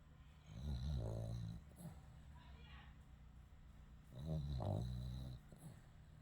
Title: Loud Snoring Mochi 😆